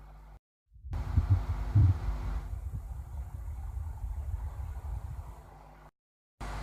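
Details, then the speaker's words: Stethoscope on the abdomen: soft, low rumbling gurgles and occasional clicks, normal bowel sounds. "इसी प्रकार जब स्टेथोस्कोप को एब्डोमेन के ऊपर रखा जाता है तो एक नॉर्मल वोवेल साउंड इस प्रकार का सुनाई पड़ता"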